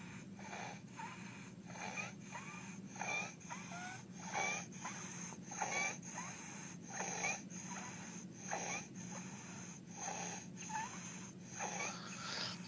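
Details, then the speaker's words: Toddler looking really unwell, tired and exhausted, using accessory muscles with abdominal breathing and slight tracheal tug; harsh, high-pitched noisy breaths about 43 a minute, each with squeaky stridor from upper airway narrowing. "So, child looks really unwell, looks really tired, exhausted. It's using accessory muscles. You can see the chest moving. You can see the stomach doing all the work. There's a little bit of tracheal tug, and you can hear that stridor."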